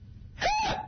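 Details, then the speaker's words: An adult woman whose hiccups began in June 2006 and have persisted about 8 months, progressively worsening: one sudden, loud voiced hiccup with a wailing, squeaky tone, chronic intractable hiccups. "Back in June 2006, I started hiccuping. And then I got really overheated, and then they kind of collapsed. And ever since, they progressively have gotten worse."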